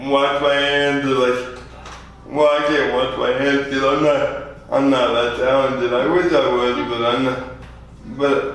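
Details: 24-year-old man with lifelong spastic quadriplegic cerebral palsy after premature birth at 2 lb 4 oz; spastic dysarthria.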